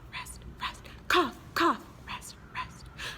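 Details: Imitated coughs and sneezes performed rhythmically as a 5th-grade choir practice part for a song interlude: short sharp voiced bursts with louder 'achoo' cries; not real illness.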